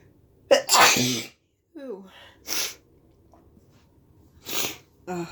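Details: Person with a cold and a stuffy nose who cannot breathe through it: one loud, harsh, explosive sneeze with a voiced cry, then short sighs and breathy sniffs or gasps.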